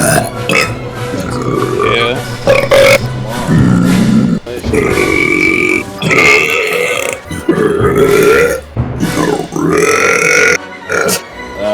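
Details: Several loud, long voiced belches, deliberate burping compiled from months of clips of a friend, with talk and "In the Hall of the Mountain King" music in the background.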